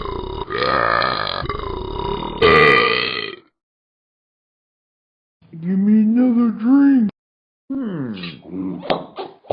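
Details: Talking Ben the Dog app, simulated: three long, loud, rumbling belches separated by pauses, the first two with a deep croaking tone; repeated burping.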